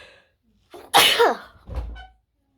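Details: A single sneeze: a short intake followed by one sharp, explosive burst and a softer trailing snort, from a wide-nosed subject in Africa.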